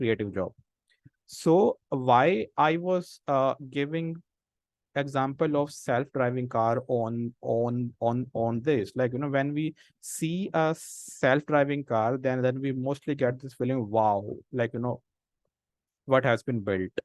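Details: Adult man who stammers, senior volunteer of a self-help association of people who stammer, with word repetitions while speaking in a talk; stuttering.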